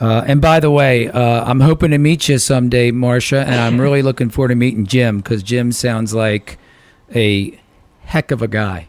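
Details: Adult male speaker; typical speech.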